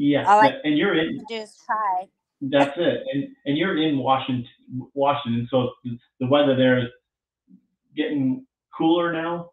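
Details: Adult speaker; typical speech.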